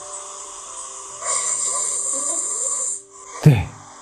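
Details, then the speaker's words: Speaker's own snoring recorded by a smartphone sleep app: rough, fluttering breathing ending in a loud low snort, described as serious airway blockage from the tongue falling back. "자지 소리 한번 들어보도록 할까요 와 저의 코골이 수리 또한 범상치 않죠"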